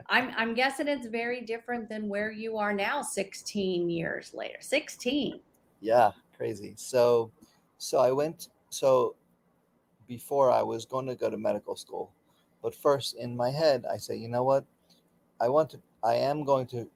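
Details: Aphasia in an adult man about 15–16 years after a stroke during surgery, with his right arm and leg affected; he still does speech therapy daily.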